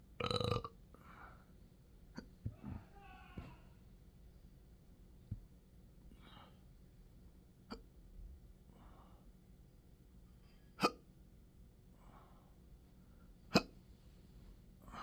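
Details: Person with intractable hiccups and belching since December 2015, plus choking spasms and developing achalasia III, in 12-hour daily episodes. Repeated sharp hiccup clicks at irregular intervals mixed with a loud belch and soft gulping breaths.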